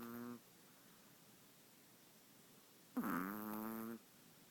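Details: 5-month-old long-haired Chihuahua snoring: two brief, soft, buzzing snore sounds separated by quiet.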